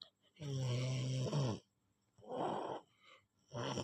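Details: A 4-year-old child snoring like an adult: loud, low rattling snores on each breath in sleep, with quieter breaths out between; heavy snoring.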